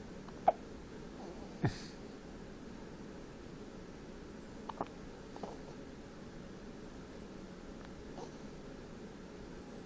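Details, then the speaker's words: A 3-hour-old newborn's first-ever hiccups: a few soft, abrupt catches in a quiet room, spaced irregularly. "What are you looking at, fella? You get little baby hiccups. Yeah."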